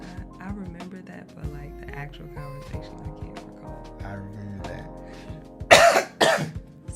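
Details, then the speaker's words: Two short, harsh coughs from an adult who is under the weather, over background music and talking. "We are both under the weather right now as you can hear coughing and whatnot."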